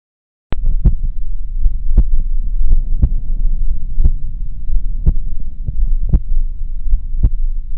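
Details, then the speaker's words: Mechanical aortic valve replacement: crisp metallic clicks each beat at about 57 a minute, metallic second heart sound loudest over aortic area, soft ejection systolic murmur there; audible even from bedside. "On auscultation, the metallic heart sounds were loudest over the aortic area. I could clearly auscultate a metallic second heart sounds."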